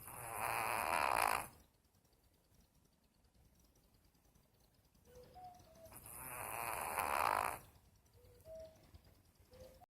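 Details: Two long, harsh, rasping snoring breaths about six seconds apart, quiet in between, roughly 10 breaths a minute, with faint chirps in the background; snoring.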